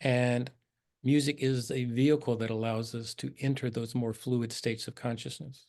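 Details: Adult man speaking; normal speech.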